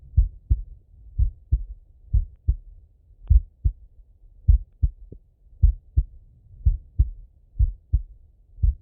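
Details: Male heartbeat on auscultation: clear, steady lub-dub at about 57 beats a minute, no extra sounds; normal heart sounds, slow rate.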